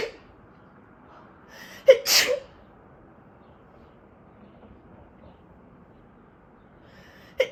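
Sharp sneezes, one with a quick in-breath before it, part of an allergy sneezing fit.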